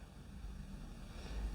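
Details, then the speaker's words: Low rumbling gurgle of an adult's stomach growling (borborygmi), heard while the adult talks and apologizes for the noise. "And then obviously the ones that you see when you, oh, sorry if my stomach, you can hear that."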